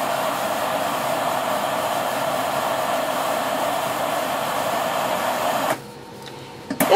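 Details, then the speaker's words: Loud steady hissing air rush that cuts off, then clicks: automatic dental handpiece maintenance unit lubricating a handpiece in position two after use; dental handpiece lubrication unit. "we'll press the button the number two is flashing saying that in the number two position that handpiece is being lubricated when it's done"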